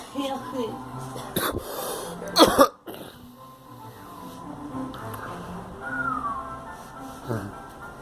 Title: Coughing